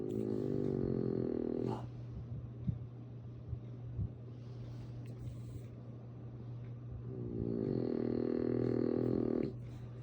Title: Muffy Snoring